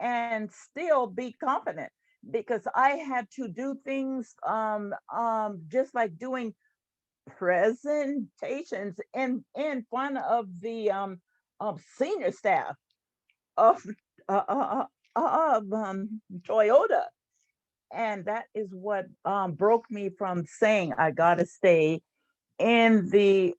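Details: Stuttering in an adult woman, a retired employee and stuttering support group leader, who has stuttered since about age seven.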